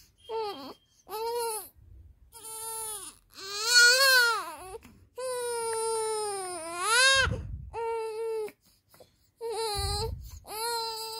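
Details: A 19-day-old newborn cries in repeated rhythmic bursts, each a clear, high-pitched wail separated by short breaths: newborn cry.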